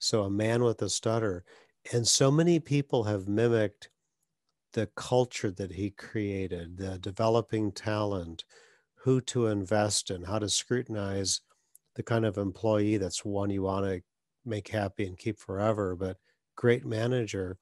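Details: Adult male speaker; no speech disorder.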